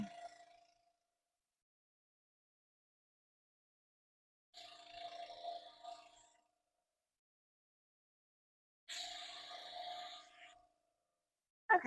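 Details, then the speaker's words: A portable suction machine is switched on and tested before tracheostomy suctioning, with pressure adjusted up to about 150: short bursts of whirring, hissing suction over a steady motor tone, separated by silence. "Now I'm going to turn on my suction and I'm going to test it."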